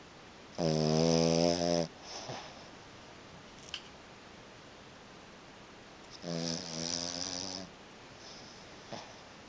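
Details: Sleeping animal under a kotatsu quilt, eyes open and not waking when touched: loud snoring, two long rattling inhalations about six seconds apart with soft breathing between.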